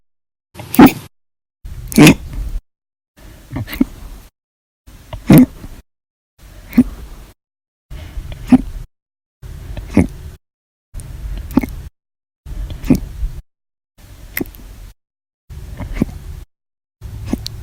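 Eleven abrupt, sharp gulping bursts about every 1.5 seconds, roughly 40 a minute, with quiet between them: repeated hiccups.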